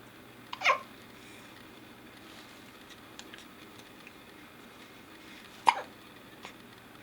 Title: Has The Hiccups